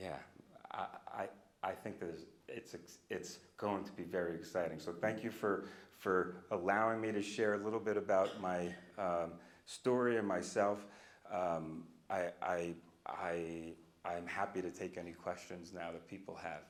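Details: Stuttering with part-word and whole-word repetitions in an adult man, a person who stutters and speech-language pathologist, speaking live; he says he used to stutter overtly a lot more.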